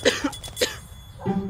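A few short, dry acted coughs in a comedy film scene, with faint background music.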